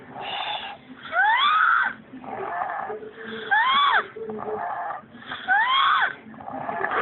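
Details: Snoring-like noisy breathing during sleep, about two breaths per four seconds, with high squeaky whistling sweeps on each breath in; noisy breathing with squeaky whistling.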